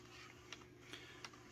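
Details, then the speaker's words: Soft regular mechanical ticks, about three in a second and a half, as a CADD PCA morphine pump primes its tubing, disconnected from the patient, air trap held upward; infusion pump priming. "Voilà. On lance la purge. Et on purge toujours piège à air vers le haut, pour bien que le piège à air se remplisse."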